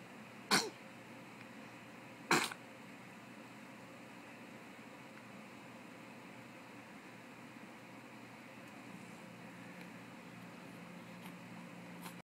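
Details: Six-week-old: two short, sharp sneezes about two seconds apart, then quiet room noise; repeated sneezing.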